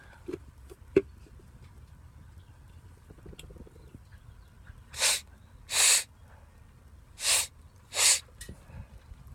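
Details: Adult man in a long sneezing fit of about twelve sneezes in a row, with a burning nose: four hissing, explosive sneezes in close succession after faint handling noise.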